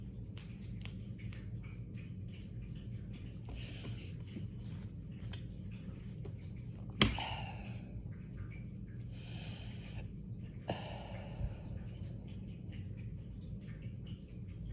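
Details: Repeated hiccups during a prolonged hiccup attack: sudden sharp gulping clicks with breathy puffs against a steady low room hum; each hiccup sounds different, one with a squeak.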